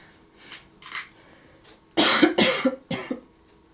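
Three loose, harsh coughs in quick succession after faint throat noises; a lingering cough while recovering from COVID-19.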